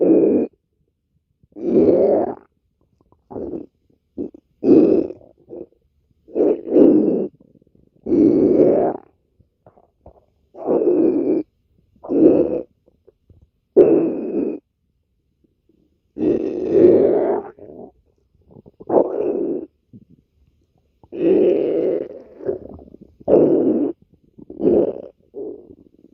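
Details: Girlfriend's stomach growling: repeated low gurgling and rumbling bursts of normal bowel sounds (borborygmi).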